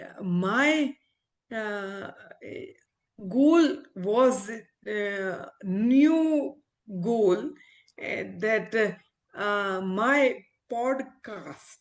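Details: Non-fluent aphasia after stroke in an adult female ophthalmologist recovering speech with speech-language pathologists; she reports communication still hinders her; real patient.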